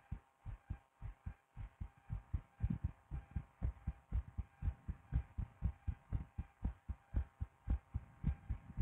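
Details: Adult woman's own heart recorded through a DIY stethoscope for ASMR: steady, rapid, low thumps with a faint hum behind them; heart sounds.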